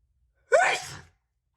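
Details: Woman who says she feels unwell that day, sneezing: one loud, explosive sneeze with a sharp burst and a trailing wet rush of air; an ordinary, powerful wet sneeze.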